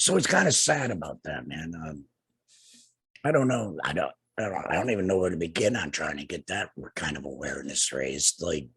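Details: Tracheoesophageal speech in an adult man two years after laryngectomy for cancer, treated with radiation and chemotherapy; no larynx, breathes through a neck stoma and speaks with a TEP voice prosthesis and HME.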